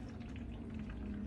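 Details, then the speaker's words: Simulated suctioning using water in place of patient secretions: steady bubbling, gurgling suction as the fluid is drawn through a Yankauer rigid tip into a suction canister. "So it's suctioning it through. See how it's suctioning? It's going through."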